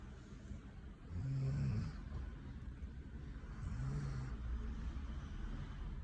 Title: #germanshepard#snoring Caught my dog snoring 😴 deep sleep cutest ever❤️😘